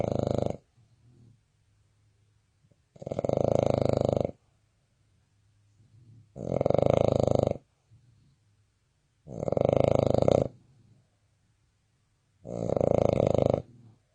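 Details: Snoring from a Boston Terrier in deep sleep: loud, rhythmic rattling breaths, about 19 a minute.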